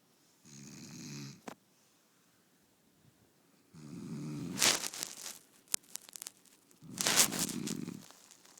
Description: Long loud snoring from my bed mate, this is the reason I can't sleep.